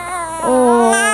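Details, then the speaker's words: Six-week-old baby boy crying in his swing while fighting sleep: a rising, fussing cry with a clear, strong voice; ordinary infant cry. "why are you crying why why are you crying honey"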